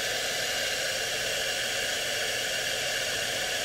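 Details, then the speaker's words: Puritan Bennett 840 ventilator running its short self-test (SST) before use, with the circuit's patient Y capped and the humidifier bypassed: a steady hissing rush of airflow with no beeps or breath cycles. "make sure that's nice and snug once you've done that hit accept and now it's doing the test"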